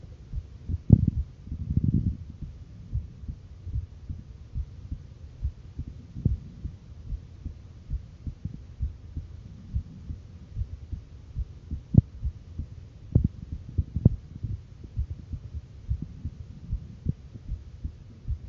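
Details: Female heartbeat with sound: soft, low, repeated heartbeat thumps under a steady low hum and rumble.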